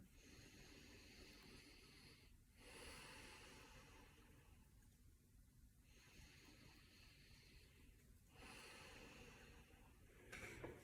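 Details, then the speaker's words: Adult, respiratory rate 14, breathing normally then maximally with the student physiotherapist's thumbs on the sternal angle for upper chest wall assessment: slow, deep, airy breaths, about two cycles; symmetrical anterior-superior movement, normal deep breathing. "so on that assessment my thumbs had anterior and superior movement in the upper chest wall and both sides were symmetrical"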